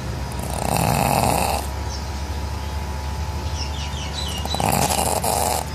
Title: My pug snoring loudly